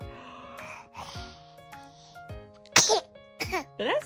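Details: Baby boy sneezing: sharp, high-pitched little sneezes with music playing in the background.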